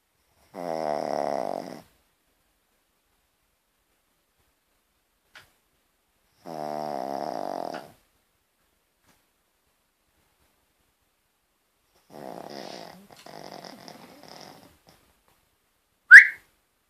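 Three loud buzzing snores spaced about six seconds apart, each lasting over a second, then a brief sharp squeak. Dog snoring.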